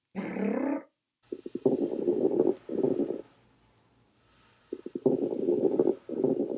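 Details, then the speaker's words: Nursing respiratory assessment teaching example of coarse crackles: loud, low-pitched, discontinuous bubbling crackles with breathing, like velcro pulling apart. "coarse crackles on the other hand are louder and lower in pitch sounds a little bit like velcro"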